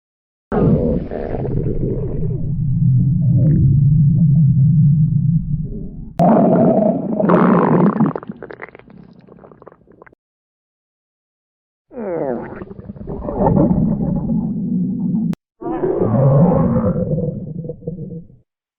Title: What Is That Sound?? Part 2 (A Stomach Growl Video - Request)